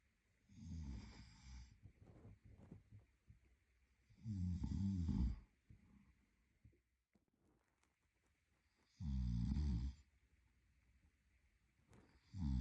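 Deep, loud, rumbling snores about every 4 seconds, roughly 15 a minute, with quieter breathing and soft rustling between them.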